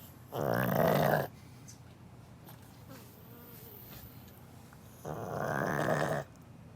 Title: Can’t sleep, loud snoring of my cute & lovely Pug #pug #pugofinstagram #puglife #pugs #pugsarecute